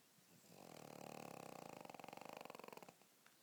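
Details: A pug dog gives a loud, rattling, fluttering snore drawn out over one long breath: snoring.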